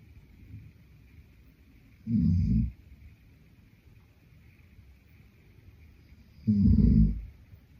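Two deep, rumbling snores about four seconds apart with quiet breathing between, ordinary sleep snoring at roughly 14 breaths a minute.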